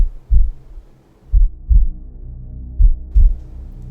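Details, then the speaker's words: Muffled deep paired thumps in a low whooshing hum: a mother's heartbeat as heard by a fetus inside the womb. "mom's heartbeat now think about the effect that this constant rhythm has on an unborn baby"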